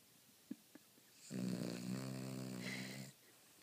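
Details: A sleeping Cavalier King Charles Spaniel snoring: a single drawn-out, buzzing snore lasting nearly two seconds, preceded by a few faint clicks.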